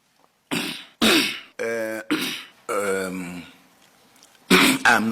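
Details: Cough with throat clearing in an adult man who says he has flu, heard while testifying at a hearing: several harsh coughs and throat-clearing bursts with voiced grunts between them.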